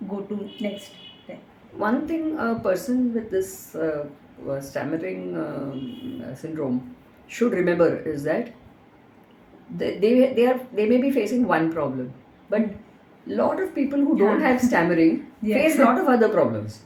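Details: Adult speaker; no speech disorder.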